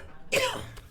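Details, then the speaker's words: A single short, harsh cough from an adult man with a chronic cough; others joke he has TB, which he rejects. "Bang semoga batuknya sembuh ya biar bisa restock kemeja gitu. Terus gitu. Ya makanya berobat goblok. [musik] Puyeng dengar lu batuk-batuk mulu."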